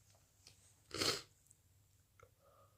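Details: A single brief, hissing, muffled sneeze in a quiet room from a person with a cold.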